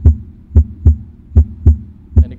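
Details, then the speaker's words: Normal heart sounds through an electronic stethoscope: crisp, regular lub-dub (S1, S2) at about 75 beats a minute with quiet pauses, no murmur. "so this is what you hear in a normal hot sound just the ldb"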